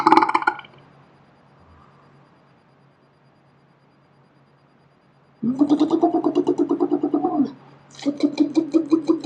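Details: Deliberate burping played back in slow motion: a brief burst, a pause, then long, low, pulsing croaks of a drawn-out belch.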